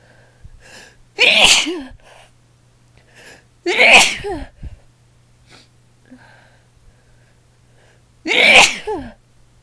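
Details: Woman sneezing repeatedly in one session, throat raw the next day; three forceful sneezes, each a sharp explosive burst with brief voiced tail, separated by quiet pauses; sneezing.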